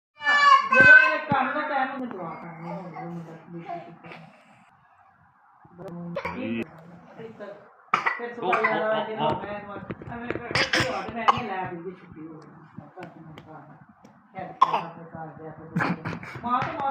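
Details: Young children playfully make pretend, acted coughs mixed with sing-song voiced sounds and chatter in a small room while their grandfather gives them water.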